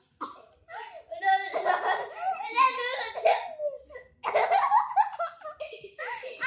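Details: Child laughing in hard bursts that turn into short coughs, then laughing again; cough triggered by laughter.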